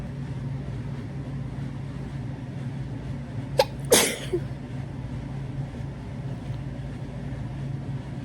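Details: Single sneeze while lying in bed: short intake then one sharp sneeze burst against steady low room hum.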